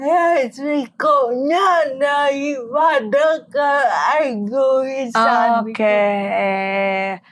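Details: Dysarthria in an adult woman with cerebral palsy, a motor disorder limiting gross and fine motor skills.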